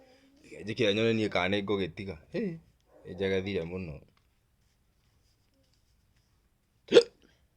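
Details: Two stretches of voiced vocalizing, then after silence a single abrupt, sharp vocal catch; a hiccup.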